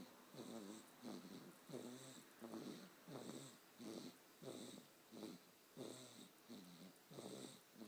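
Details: Rhythmic, fast snoring from a sleeping dog, about a dozen rattly, slightly whistling snorts in eight seconds.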